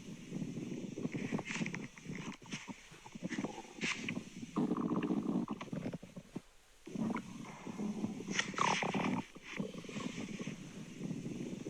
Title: Real Digestion Stomach Grumbling sounds